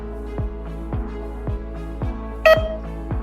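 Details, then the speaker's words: Portable oxygen concentrator for children's oxygen therapy being switched off by holding the power button: a single short, clear electronic beep over steady background music. "Aby wyłączyć koncentrator używamy tego samego przycisku."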